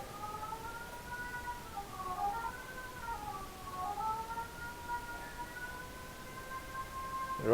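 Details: Sustained electronic tones rising and falling in pitch from the phacoemulsification machine during live cataract surgery in a high-myopia eye with a very hard cataract and deep chamber, while the nucleus is chopped and rotated.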